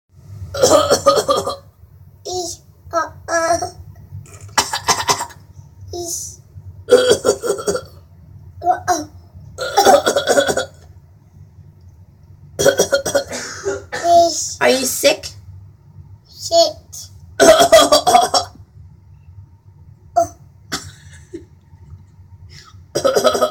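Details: A young child's fake cough: a series of short, forced cough-like bursts.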